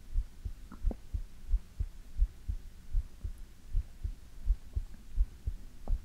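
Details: ASMR heartbeat recording: soft, steady, low heartbeat thumps at about 85 beats a minute, with a faint hum underneath.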